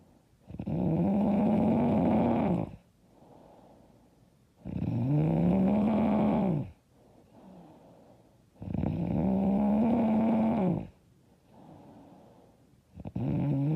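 Loud, deep, vibrating snores on each breath in, about 15 a minute, with soft breaths out between.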